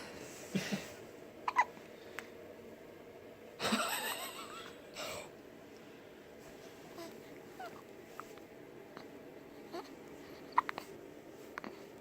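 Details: Baby boy: soft brief catching sounds repeating in a quiet room with faint breathing; infant hiccups.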